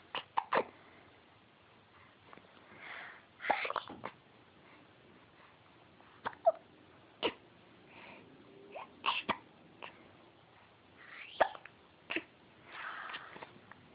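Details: Quiet room with a baby's brief, sharp catching sounds at irregular intervals and soft cooing while smiling; infant hiccups.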